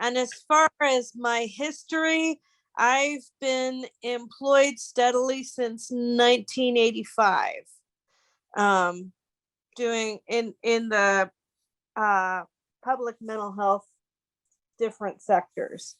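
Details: Woman with cerebral palsy, which she says is noticeable in interviews, employed since 1985 in public mental health; possible mild dysarthria in cerebral palsy.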